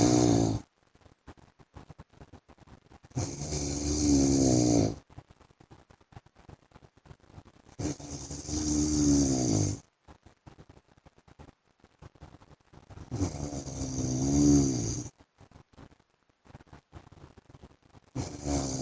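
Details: Loud, rough, rattling snores from a sleeping adult man (husband) on each breath in, about 14 a minute, with quiet pauses between: ordinary heavy snoring.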